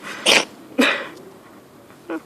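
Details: Cat outdoors noted to sneeze strangely: two sneezes in quick succession, sharp hissing bursts followed by a faint short sound.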